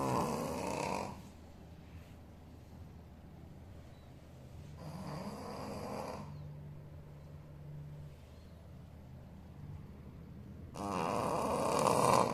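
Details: Sleeping Shih Tzu dog snoring: loud rattling snores recurring every few seconds with quieter breaths between.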